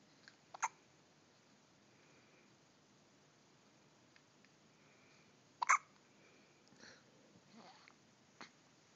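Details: A 5-day-old newborn with hiccups: two sharp hiccups several seconds apart, with soft infant noises between, in a quiet room.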